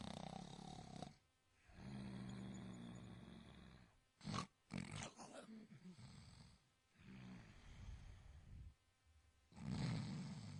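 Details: A loud snoring sound effect: low, rattling, rumbling breaths repeat in a steady rhythm, separated by brief quiet pauses.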